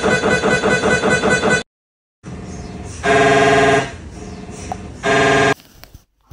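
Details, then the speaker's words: MRI scanner noise during imaging sequences: loud rhythmic buzzing and knocking bursts, then sustained harsh tones with pauses; a sound that can frighten some patients, especially those with claustrophobia. "ಕೆಲವು ರೋಗಿಗಳಿಗೆ ಕ್ಲಾಸ್ಟ್ರೋಫೋಬಿಯಾ ಇರುತ್ತೆ ಈ M R I ಮಾಡಿರೋ sound ಬಹಳ ಹೆದರಿಕೆ ಆಗುತ್ತೆ ಇದು ಯಾವ ತರ ಸೌಂಡ್ ಮಾಡುತ್ತೆ ನಾನು ತೋರಿಸ್ತೀನಿ ನೋಡಿ ಕೇಳಬಹುದು"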